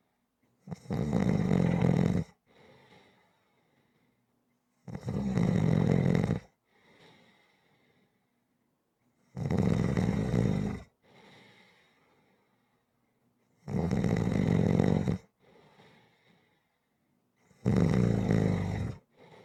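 Steady, rhythmic loud snores on each breath in, with soft breaths out between; about fifteen breaths a minute.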